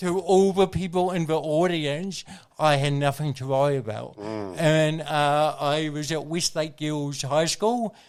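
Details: Adult man with congenital cerebral palsy, a brain injury from oxygen loss at birth, thinking unaffected: dysarthria (cerebral palsy).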